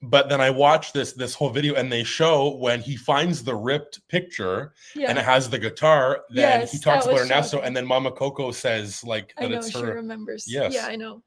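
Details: Adult speaker, casual talk; ordinary speech.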